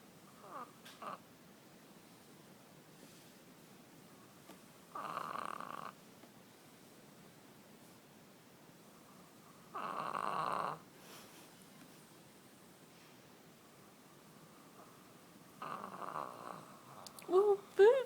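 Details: French bulldog snoring in a quiet room: three soft, nasal snore bursts about five seconds apart, then a brief snort and whine as she wakes herself up.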